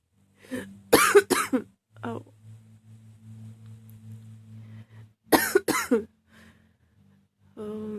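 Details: Never-ending coughing fit that the person says they can't stop: repeated harsh coughs in quick clusters, about six, with brief gaps and a low hum between.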